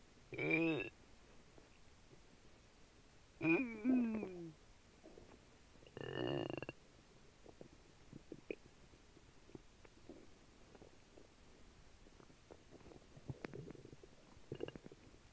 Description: Turns out that dry cereal, apple juice and jelly beans don’t mix too well.